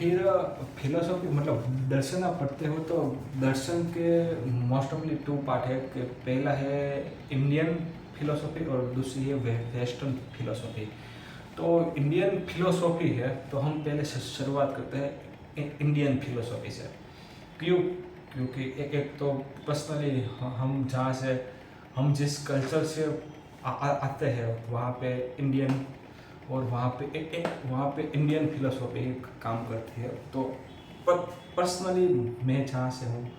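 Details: Adult man's own speech with stammering, recorded on day 1 of his daily practice routine for stammering (tongue and lip exercises, breathing control, self-monitoring); stuttering.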